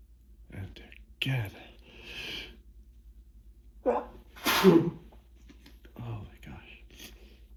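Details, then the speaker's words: Hay fever sneezing fit into a hand towel: gasping in-breaths build into two forceful, wet sneezes, with whispered words between them, as the sneezes keep coming one after another. "And again, it just keeps coming. And again. And again. And again. And again. I'm gonna sneeze."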